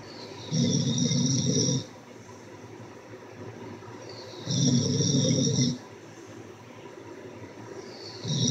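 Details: Snoring: loud, rough, rumbling snores on each inhalation, about every four seconds (roughly 15 a minute), with quieter breathing between.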